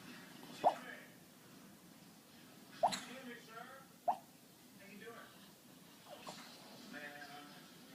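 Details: Sleeping Chihuahua snoring with soft irregular popping clicks and faint whistly breaths, like raindrops, in a quiet room; snoring.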